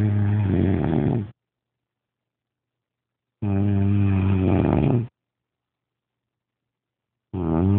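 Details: Man snoring after heavy smoking and drinking: loud, low, rattling snores on long breaths, about 16 a minute, separated by silent gaps; ordinary snoring.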